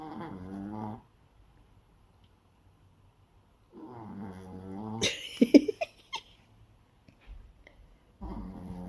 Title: один храпит, другая ест. вот так живём